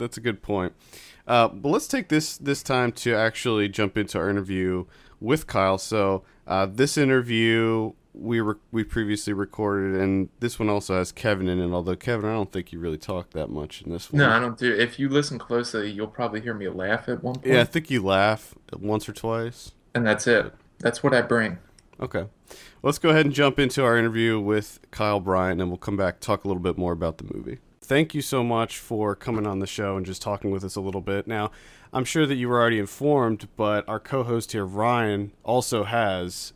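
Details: Adult men talking; ordinary conversational speech.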